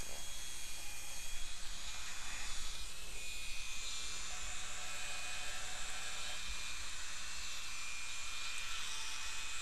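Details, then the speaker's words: Steady high-pitched whine of a dental handpiece at about four power, cutting a full crown preparation on tooth number 30 for occlusal reduction, starting at the gingiva, over low room hum. "again i go to about four power on the hand piece two clicks to the right and"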